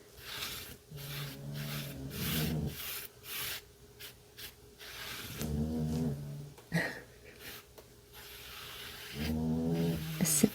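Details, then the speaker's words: Rumbling, buzzy snores recurring in overlapping bursts from several sleeping dogs, with breathy noise between them: snoring. "there's so many of them snoring right now I love it"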